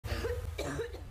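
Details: A brief pair of harsh coughs without an audible whoop, during a report on a whooping cough (pertussis) outbreak in Suffolk County.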